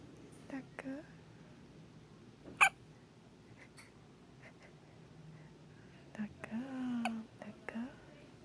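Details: Nonstop hiccups: a few short, sharp voiced hics spaced irregularly, with soft vocal sounds in a quiet room.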